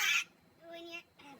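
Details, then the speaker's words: Adult with hiccups bad enough to hurt the chest and lungs: a sudden loud, harsh squawk-like burst, then a shorter high-pitched voiced cry and a faint third sound, likened to a pterodactyl. "I got hicc burps really bad as man it's really starting to hurt my chest my lungs it's not fun at all"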